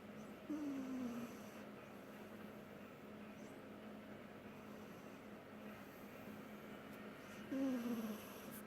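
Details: A sleeping cat gives two short, faint, falling, whistly snores about seven seconds apart against a steady room hum; snoring.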